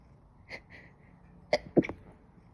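A few quiet, short bursts of suppressed sneezing, mostly held back with little sound; stifled sneezes.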